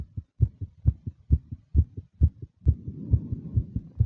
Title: fast female nervous heartbeat with breathing sounds